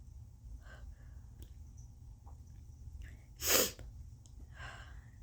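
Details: Sneeze deliberately induced with turmeric sniffed into the nostril plus Q-tip and tissue tickling: quiet breathing and sniffing, then one sharp, loud sneeze.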